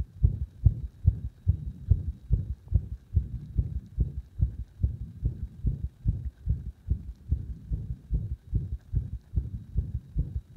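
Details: Fast, fairly steady heartbeat about 140 a minute with some beats uneven in strength; arrhythmia induced by gradually increasing pressure on the heart.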